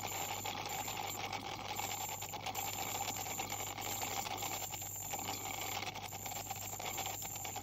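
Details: 44-year-old woman with heavy plaque and tartar, possible gingival inflammation, dental hygienist cleaning: continuous high-pitched whine with water spray hiss and rattling clicks of an ultrasonic scaler removing tartar.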